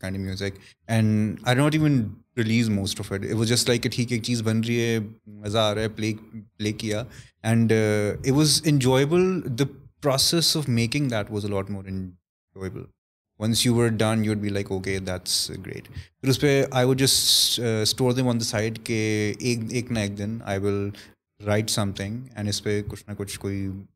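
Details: Adult male with stuttering (stammer), reportedly worse when he is conscious of it.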